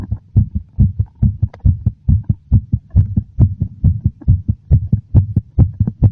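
Strong, regular, thumping heartbeat at roughly 136 beats a minute; a noticeably fast heart rate.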